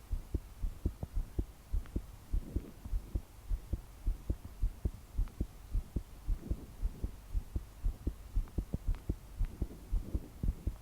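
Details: 22-year-old female trying to calm her heart to sleep, deep breaths not helping: strong fast thumping heartbeat near 110/min, body shaking with each beat, slow breaths, heavy rain behind; pounding palpitations.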